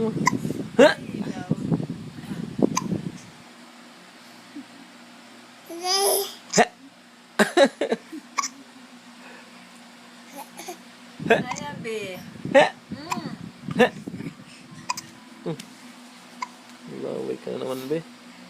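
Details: Infant with hiccups: repeated short, sharp hiccups amid babbling and soft vocal sounds, with quiet pauses between.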